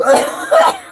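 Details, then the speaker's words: Adult woman during a morning livestream chat gives two quick, fairly dry coughs in a small room, then apologizes; cough. "oh I'm sorry excuse me it's got perfect timing there's nobody watching I can hear me coughing"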